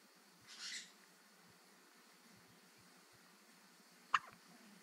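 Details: Baby with random hiccups: a faint breath, then one short, sharp catch over steady background hiss; a single hiccup.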